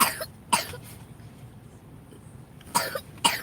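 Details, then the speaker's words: Child with a cold and cough for a couple of days, urged to cough it out and not swallow it: four short harsh coughs in two pairs, a loose productive cough. "like man cough it out she got a little cough she had this cough for like a couple of days call off it"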